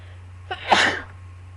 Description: i couldnt get some of these sneezes out lol sorry they took so long!